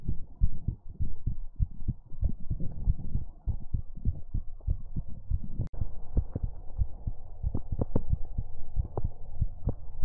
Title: ASMR Heartbeat Sounds and More | Heartbeat ASMR #45